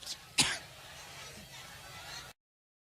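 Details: A single sharp, harsh throat-clearing burst during a campaign-stop speech in Cleveland, Ohio, amid a coughing attack after much talking, followed by quiet background noise.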